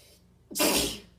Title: standing head sneeze